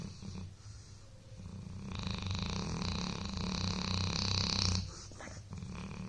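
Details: Dog sleeping after a long day of playing; low, rumbling, fluttering snoring, with one long snore building over a few seconds.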